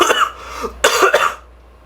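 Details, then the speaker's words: Adult coughing: a short burst of about three harsh coughs. "well I think that was a mistake for my throat cuz I can't stop coughing everybody staring at me embarrassing"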